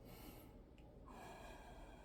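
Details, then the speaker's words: Normal vesicular breath sounds heard by stethoscope over the lower lobe of an adult man's chest during a big breath: soft steady air rush, equal air entry both sides, clear to the bases, no wheeze or crackles. "So I can hear the equal air entry on both sides. So it's the same on the left as on the right. His air intake is equal, good, clear, all the way down to the bases."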